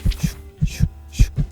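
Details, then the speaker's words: Simulated pulsatile tinnitus: regular paired heartbeat-like thumps at about 105 a minute heard within the ear, as can follow running or climbing stairs and ease as the heart rate slows. "이런 규칙적인 소리가 들리는 경우가 있어요. 이제 운동 빨리 했다가 이제 좀 쉬고 이렇게 해서 심박동이 좀 줄면은 저절로 좀 호전이 되고요."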